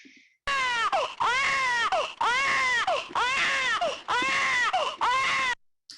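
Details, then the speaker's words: Control baby-cry stimulus played to mothers inside an fMRI scanner: loud, sustained infant crying in repeated wails with brief breaths between them, about five seconds long. "That was loud. That is just a sample of the cry that the mothers were listening while they were inside a scanner."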